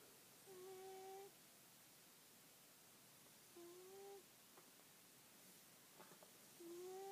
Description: My cat snores!